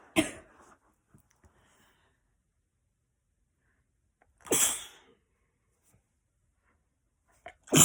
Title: Girl sneezing a lot